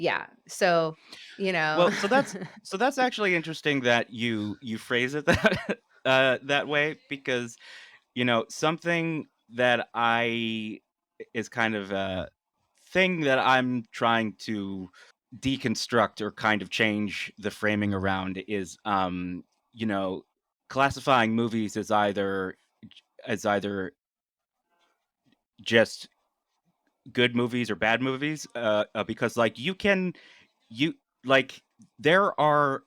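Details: An adult male who has stuttered all his life; stuttering.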